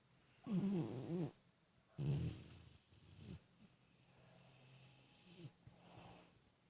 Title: Ida's dreaming & snoring.